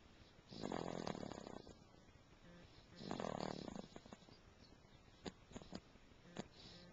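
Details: Snoring during sleep: two long, rough, rattling breaths about three seconds apart, followed by a few soft clicks.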